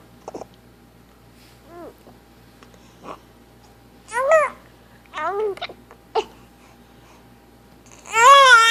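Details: Young infant, 7 weeks old, fussing with short whimpers and brief catches, building to a full cry at the end; hiccups mentioned.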